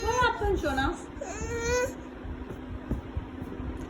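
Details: Baby around a sneezing episode: brief high-pitched infant whimpering and fussing cries, then quiet room noise; an ordinary infant cry.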